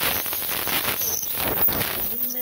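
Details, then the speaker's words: Dog under general anesthesia during dental cleaning, with tartar removed using a human-grade ultrasonic dental scaler: a steady high-pitched buzzing hiss with faint spray and scraping. "so we use pretty much a human grade ultrasonic scaler and it's going to just pull that further right"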